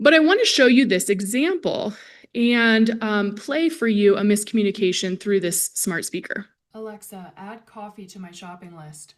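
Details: Adult woman presenter; Normal speech.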